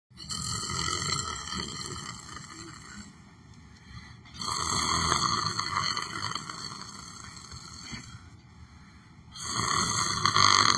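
Long, rough, rattling snores in three drawn-out waves, with some outdoor-like background noise; snoring during sleep.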